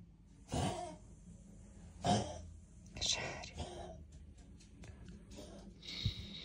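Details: Several short, harsh, breathy coughing bursts from a pet dog in the background of a quiet room, with faint room noise between them.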